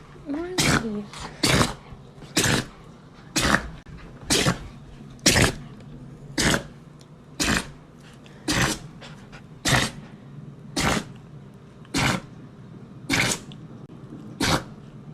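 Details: Dogs' sneeze attack during zoomies: rapid series of about fourteen short, sharp nasal bursts, roughly one per second; repeated dog sneezes.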